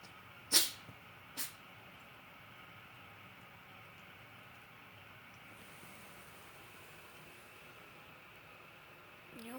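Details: Two short, sharp sneezes from a 20-year-old cat, followed by quiet room noise; sneezing.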